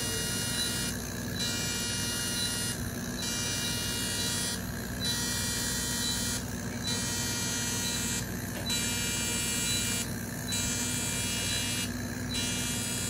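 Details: Fractional CO2 laser resurfacing of a post-burn scar on a numbing-cream-treated area, fifth and final session after four prior treatments (~90% improved): steady machine hum with regular hissing high-pitched pulses, about 33 a minute.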